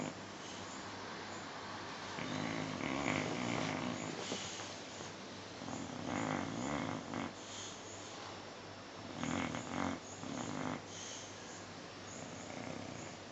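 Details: Sleeping dog: rough, fluttering snores in a few bursts over about 13 seconds with steady background hiss; snoring.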